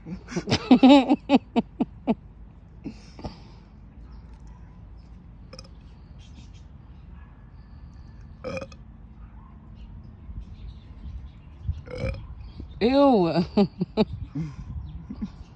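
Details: Burping contest: several loud, drawn-out belches with a croaky, vibrating tone, separated by quiet gaps; ordinary burping.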